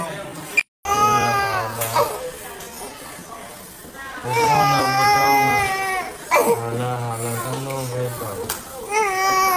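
Loud, sustained crying in long wails with brief breaks, adult voices and room noise behind; a baby crying in pain after an injection.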